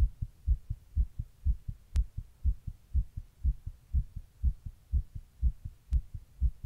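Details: Own heart recorded while sitting in 100-degree heat during a heatwave: steady, rapid regular thumping heartbeat, about 120 beats a minute; fast heartbeat.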